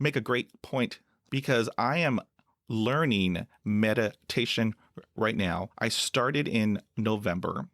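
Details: Adult man who stutters, with blocks he says come with eye closing, hand movements, leg tapping and facial tics: stuttering.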